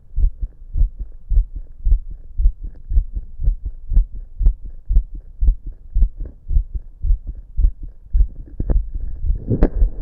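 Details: Person's own habitually fast, visible heartbeat auscultated with a stethoscope at different chest spots: rapid, regular thumps at about 110 beats a minute.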